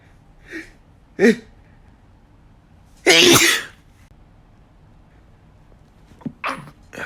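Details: Male, really strong sneeze: a few soft breathy sounds, then one loud, forceful sneeze followed by quieter sounds in a quiet room.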